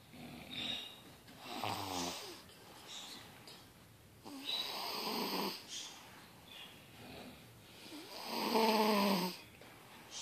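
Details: Child snoring during sleep: three loud, rattling snores on the in-breath with quieter breathing between them, a deep snore for a kid.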